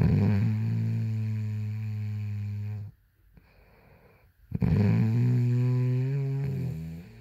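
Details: Sleeping woman snoring: loud, low, rattling snore on inhalation, a silent pause, then another long snore; snoring.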